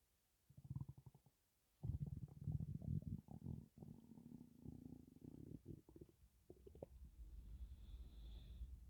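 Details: Low gurgling, bubbling stomach rumbles in bursts, moving with breathing in and out; gas and air in an empty stomach, possibly hunger; ordinary borborygmi.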